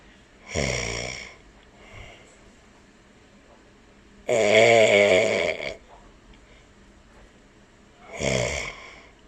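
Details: Three loud, buzzing snores on inhalation from a man, spaced about four seconds apart with quiet pauses between, while a pet cockatiel listens.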